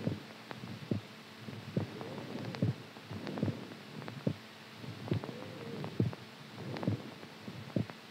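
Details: Low thumping heartbeat at about 70 a minute over a noisy, whooshing background; described as a strong heartbeat during sleep.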